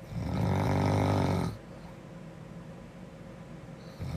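One loud, low, buzzing snore lasting about a second and a half, then quiet breathing; ordinary snoring.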